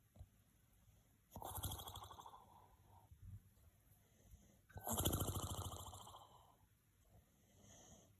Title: Snoring#age of 84😀😀￼